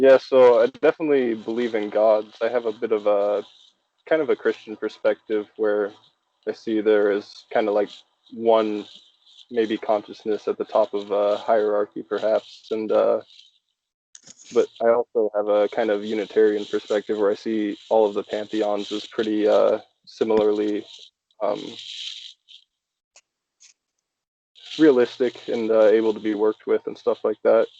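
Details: Adult male speaker; normal speech.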